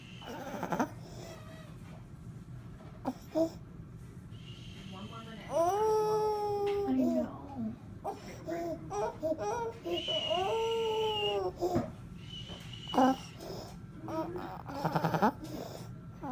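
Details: 17-month-old boy with croup, later admitted to hospital for 5 treatments: distressed crying with harsh high-pitched noisy inspiratory breaths between cries, inspiratory stridor.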